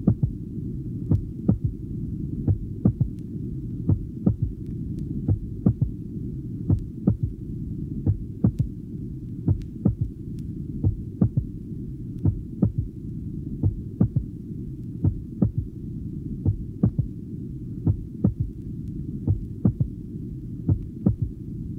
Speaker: a more Nally split first heart sound is now Illustrated the recording is that of a 22-year-old man taken at the Apex during expiration a loud physiological third heart sound is audible after the second